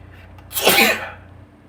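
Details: A single sharp, explosive sneeze with a hissing burst of air, over faint room hum.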